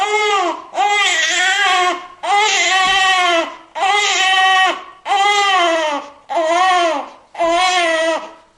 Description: New Born Baby Crying Sound Effect presented by Good Vibes YouTube Channel. Have you ever notice newly born baby crying sound.